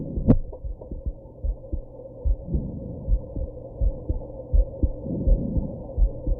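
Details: Heartbeat with hiccups after drinking and smoking: steady, soft low thumps at about 82 beats a minute over a faint hum, with one sharp jolt near the start, likely a hiccup.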